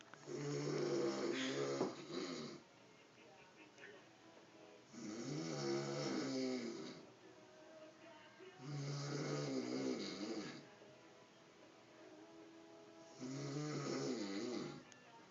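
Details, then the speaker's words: Man asleep, cigarette in his mouth, snoring heavily: loud, rough snores about every four seconds (roughly 14 a minute) with quiet breathing between them. Heavy snoring in sleep. "This is probably the worst I've ever heard him snore. And that is one snoring son of a bitch."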